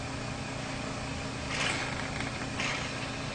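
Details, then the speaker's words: Portable suction machine with a steady motor hum and brief hissing surges as the thumb covers the catheter opening, testing suction in normal saline before tracheostomy suctioning of a patient ordered suction every two hours and as needed. "with the thumb of my non-dominant hand I will cover the opening of the suction catheter and that is what applies the suction"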